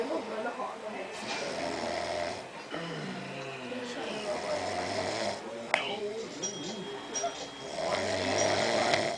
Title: random person snoring